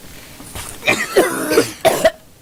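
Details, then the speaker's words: Acted scene: a woman has a coughing fit of short, sharp coughs with a throat-clearing quality, then says she can't stop coughing. "Can't stop coughing."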